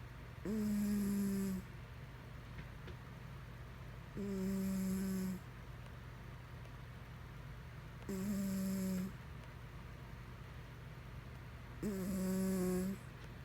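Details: Cat snoring in sleep: regular humming snores about every four seconds, roughly 16 breaths a minute, with a steady hum in the room.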